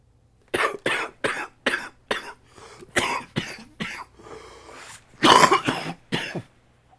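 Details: Chest cough from a common cold that has settled in the chest: a run of about ten harsh, deep coughs in quick bursts.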